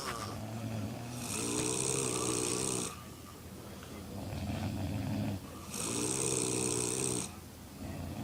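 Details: Four girls (sisters) snoring while asleep drunk in a hotel room: loud, raspy snores from several sleepers overlapping in a small room, some rough and rumbling, others higher and hissing.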